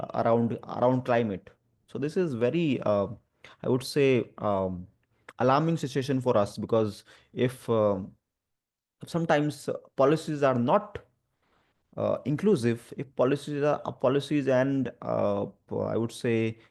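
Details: Adult male who stammers and also has dyslexia and dyspraxia; spontaneous speech with word repetitions; stuttering.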